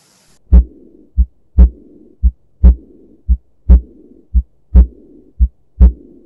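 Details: Sound-enhanced teaching recording, with actual loudness possibly slightly lower. Regular heartbeat near 57 a minute with a soft blowing murmur after each second sound: aortic regurgitation murmur.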